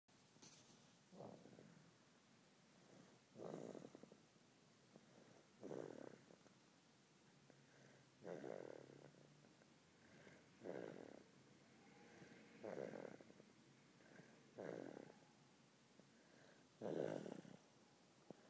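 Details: Soft, regular low rumbling snores about every two seconds, roughly 27 a minute, from a sleeping baby boy napping on someone's chest.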